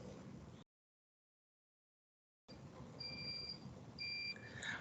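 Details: Device start-up beeps: steady electronic tones and beeps over room noise as an ECMO console is switched on during circuit priming; routine start-up alert.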